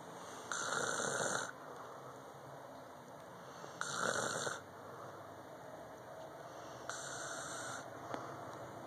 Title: snoring